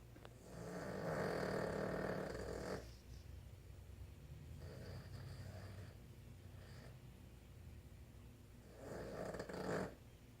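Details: Sleeping female Boston Terrier snoring through the night in the owner's room: soft, rough snoring breaths with a quiet hum of room noise behind.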